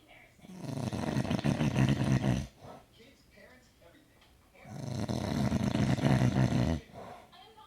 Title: Snoring man